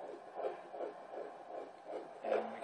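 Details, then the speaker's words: Rapid, regular whooshing fetal heartbeat on Doppler at a prenatal appointment, about 155–160 beats a minute, described as sounding strong. "um it sounds strong either way"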